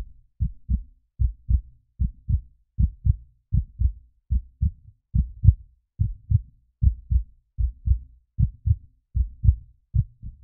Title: Sound - Effect Heart Beat (HD)